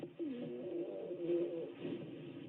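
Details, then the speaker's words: Teaching example of rhonchi: low-pitched, continuous, snoring, musical breath sound, implying obstruction of large airways by secretions; possible cause acute bronchitis. "rhonchi allow Pichet snoring quality continues musical sound implied obstruction of large array by secretion possible cause acute bronchitis"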